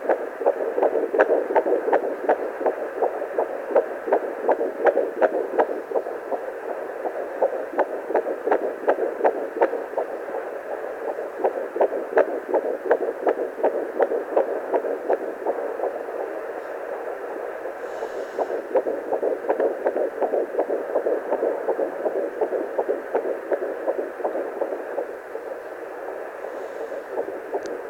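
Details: Fetal heartbeat at 12+3 weeks of pregnancy on a pocket fetal Doppler: rapid, regular whooshing pulses about 160 beats a minute.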